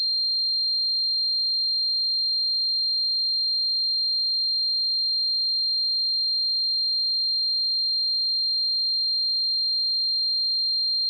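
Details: Simulated tinnitus sound effect: a steady, unchanging high-pitched pure tone throughout, imitating the ringing heard in tinnitus; tinnitus simulation.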